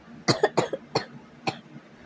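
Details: Short run of four or five quick, dry coughs in about two seconds; the person says they are coughing but not actually dying.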